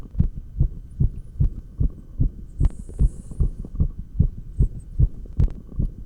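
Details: Real heartbeat recorded through a stethoscope while exercising with 20 lb dumbbells; fast heartbeat during exercise.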